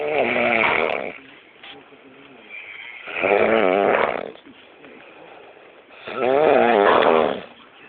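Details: Very tired person snoring very loudly and hard: loud, harsh rattling snores on each breath in, about 20 breaths a minute, with quieter breathing out between.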